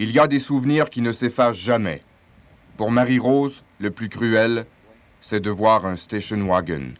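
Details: Adult male narrator; Fluent speech.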